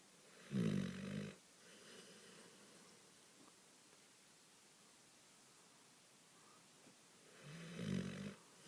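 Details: Female dog asleep on owner's lap, snoring: two low, rumbling snores about seven seconds apart with quiet breathing between.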